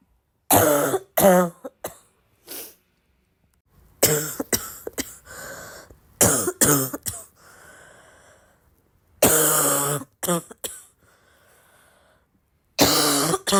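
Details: Sick girl with a congested, barky cough: repeated harsh barking coughs in clusters, with wet, congested breathing between bouts.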